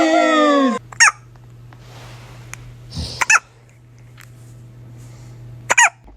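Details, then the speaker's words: Infant hiccups: short, sharp, high squeaky catches of breath repeated a few times after a brief vocal sound, over a steady low hum. "got the hiccups again."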